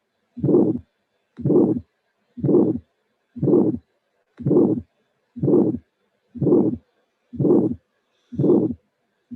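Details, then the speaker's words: Bicuspid aortic valve with aortic stenosis: low-intensity first heart sound followed by a high-frequency ejection click; tracing shown with the recording in a cardiac auscultation teaching session. "So I think that is very useful example. Is a, I should say, a very explanatory."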